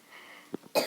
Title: My sister was coughing in the back round